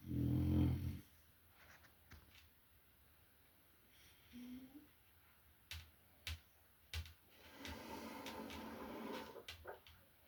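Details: Loud low rumbling snore, then quieter snorting breaths and a longer raspy breath from a sleeping male French bulldog; snoring.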